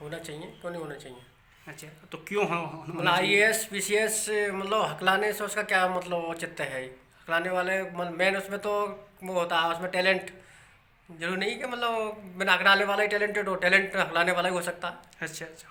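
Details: Adult speaker; no speech disorder.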